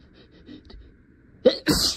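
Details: Simulated courtroom role-play, adult lawyer near end of closing argument: quiet breathing, then a brief catch and a sharp, partly held-back sneeze, followed by "excuse me"; acted sneeze.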